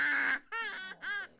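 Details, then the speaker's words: An infant with laryngomalacia, whose floppy voice box collapses inward on laryngoscope view, makes three harsh, high-pitched, crowing noisy breaths; inspiratory stridor. "at how everything flops in, and note the stridor."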